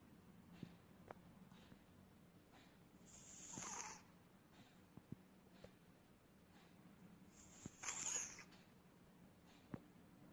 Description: Our 14-year old British Shorthair cat named Rudi is snoring and sleeping with his mouth open.